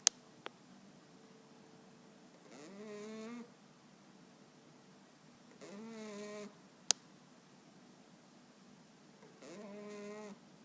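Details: Female dog snoring loudly in her sleep: three soft, whistly nasal snores, about one every three to four seconds, in a quiet room.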